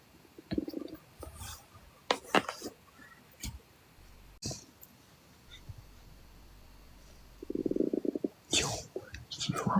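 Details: Hungry boy's stomach growling during a live stream: low gurgling rumbles from the belly between soft whispers and room noise.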